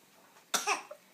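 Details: Infant boy with his first cold: a single short, sharp cough with a brief trailing sound.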